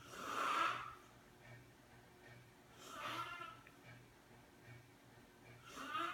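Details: A friend is caught asleep and snoring: three rasping snores recur about every three seconds, roughly 20 breaths a minute, over a faint, steady room hum.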